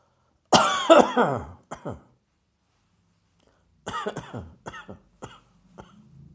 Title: Coughing from Dust in the Atmosphere.